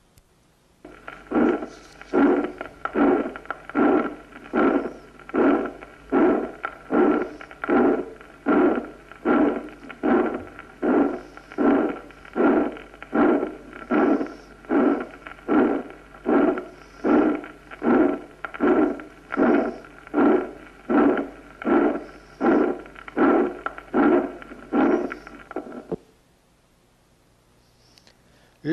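Regular heartbeat near 77 a minute, each beat carrying a harsh systolic murmur: tetralogy of Fallot murmur from infundibular pulmonary stenosis, best at mid-chest.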